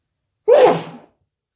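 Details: Single sharp, forceful sneeze with a brief explosive burst of air, from someone sneezy and stuffy overnight; sneeze from nasal congestion.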